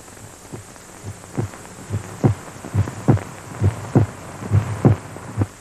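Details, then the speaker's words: Amplified human heartbeat in a circa-1941 film about the vacuum-tube electrocardiograph: regular, soft, low thumps at about 69 beats a minute over a steady hum. "Helping to safeguard the nation's health is the electrocardiograph, detecting heart ailments, giving the doctor a written record, enabling him to see as well as hear the beat of the human heart."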